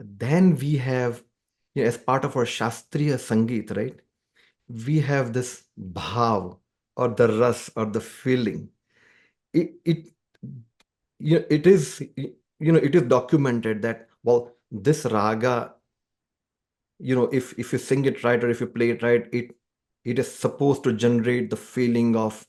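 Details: Adult man described as a person who stammers, speaking conversationally; stuttering (stammering).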